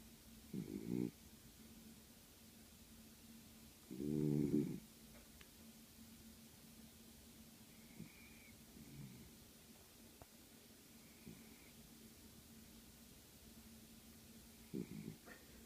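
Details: Sleeping dog that snores very loudly: soft, brief snorting snores at irregular intervals in a quiet room.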